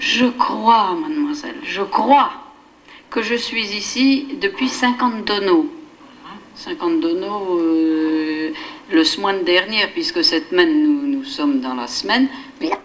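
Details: Woman with receptive (Wernicke's) aphasia from a lesion of the posterior left first temporal gyrus, with impaired comprehension; fluent speech with phonemic and semantic paraphasias and neologisms; Wernicke's aphasia.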